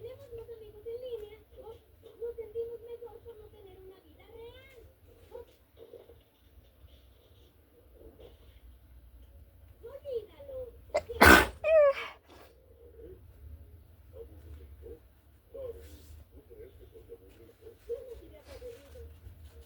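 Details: One sharp, forceful sneeze from a girl, with television voices in the background; sneeze.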